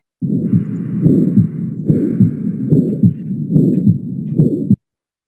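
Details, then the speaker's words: Aortic stenosis with Gallavardin phenomenon: regular heartbeat near 72 a minute with a harsh systolic murmur filling the gap between beats, most evident at the aortic focus and also described as heard intensely at the mitral focus. "ahí en la parte del foco aórtico se escucha más es más evidente el soplo sí"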